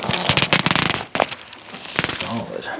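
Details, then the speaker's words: Chiropractic rib adjustment, first rib area, during full exhalation: a rapid burst of sharp cracks ("little firecracker") and then a few isolated pops of joint cavitation. "There we go. Little firecracker at the end there."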